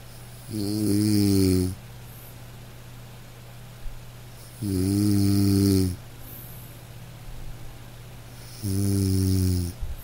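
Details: Three deep, buzzing snores on the in-breath, roughly every four seconds, about 15 a minute, over a steady hum, from a man in deep sleep; snoring.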